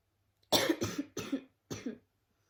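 Four short harsh coughs in a quick run, the last after a brief pause, in a quiet room: a plain cough.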